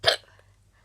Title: Morning routine Part 2 (sorry about hiccups)